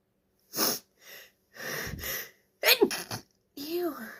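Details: Sneezing, thought to be from allergies or hay fever, in a female: shaky, breathy in-breaths as false starts, then two sharp sneezes and a brief voiced sound.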